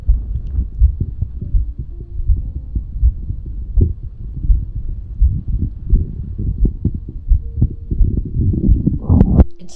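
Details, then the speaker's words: Steady low thumping heartbeat of an adult woman through a stethoscope, about 85 beats a minute, with a low hum underneath; she warns her tummy may also be heard, as she has tummy issues. "It's funny because you'll probably hear my heart, but also my tummy."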